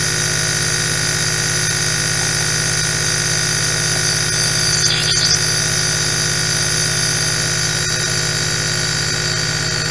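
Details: Steady loud motor drone with a fast buzzing pulse and hiss of flowing mist; a nebulizer running normally in an eight-hour ASMR recording.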